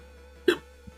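A single sharp, abrupt hiccup over steady background music, with a faint second click just after.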